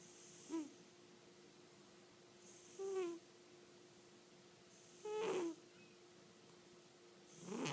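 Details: Cat snoring: short snuffling snores with a faint squeaky whistle, about 26 a minute, over a steady background hum.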